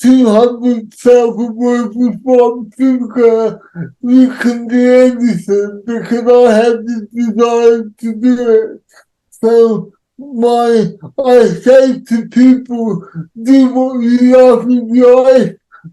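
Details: Adult man with cerebral palsy who says he cannot say some words, speech largely unintelligible to automatic transcription; dysarthria (cerebral palsy).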